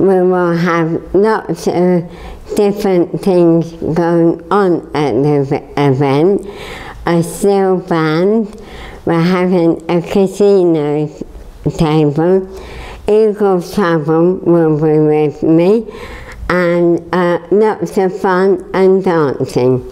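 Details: Dysarthria in a woman with motor neurone disease, a degenerative, terminal illness progressively weakening all her muscles; her voice is gradually getting weaker, and she has a feeding tube and needs help to walk.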